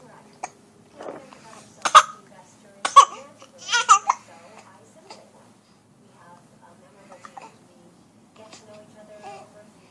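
A young child's babbling voice broken by three abrupt, sharp gulping sounds close together; hiccups.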